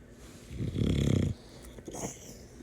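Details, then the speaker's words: A sleeping micro American bully puppy snores and snorts loudly, like an adult man; it sleeps like this all night. "This [ __ ] snores like a grown ass man."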